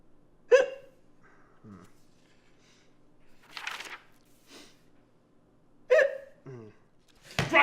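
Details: Hiccups replayed from a film scene: two abrupt voiced catches with short gasps between other sounds.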